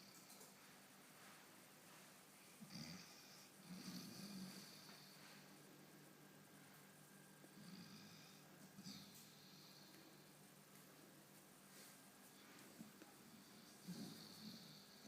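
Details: Spud snoring with eyes open: faint, irregular snuffling snores over steady background hiss.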